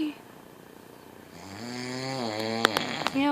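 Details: Adult man (husband) snoring, likened to a freight train: a rising, buzzing snore with a rattling vibration over about two seconds, ending in a few sharp snorts; snoring.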